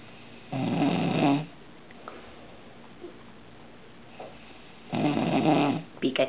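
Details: A male roommate taking an afternoon nap around 4 pm: two long, throaty snores about four seconds apart, with faint noises between them; snoring.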